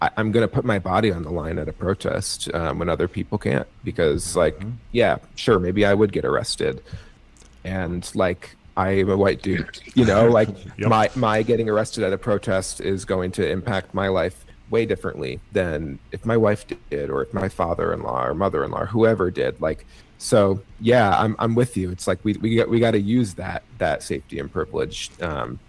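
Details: Adult white man with cerebral palsy who has a stutter he thinks is related to his cerebral palsy; stuttering.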